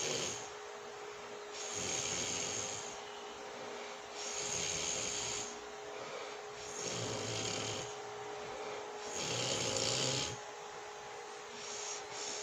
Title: watch me sleep #asmrsleep #relaxing #snoring #sounds